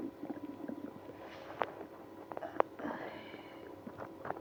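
Quiet gurgles and brief squeaky rumbles from the belly; active bowel sounds in someone with irritable bowel syndrome.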